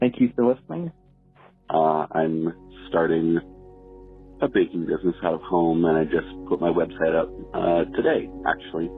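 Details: Adult male speaker, voicemail recording; normal speech.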